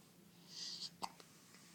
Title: Happy Hiccups